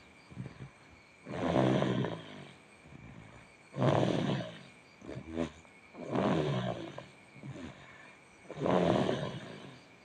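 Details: Young child asleep and snoring: rough, rattling snores on each in-breath, about 25 breaths a minute, with soft out-breaths between.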